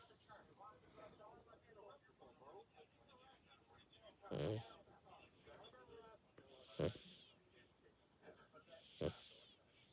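Soft snorting breaths with occasional louder hissing sounds over a few seconds, with faint background talk: snoring during sleep.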